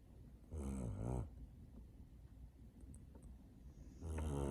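Two rough, buzzing snores on the in-breath from a sleeping kitten, with quiet pauses between them.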